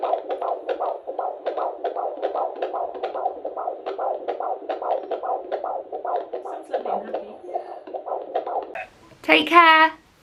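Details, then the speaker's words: At 19 weeks of an IVF pregnancy, during a midwife appointment, a handheld Doppler picks up rapid, regular whooshing pulses of the fetal heartbeat at roughly 140–150 beats a minute. "talked about pelvic floors which are exercises that i really need to be doing um and she also listens to heartbeat so i'm i filmed just like a little bit of that kind of appointment so i shall pop that in now"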